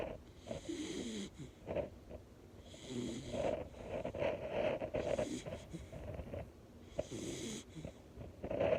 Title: #minibullterrier #englishbullterrier Walter snoring away - relaxing - turn it up ❤️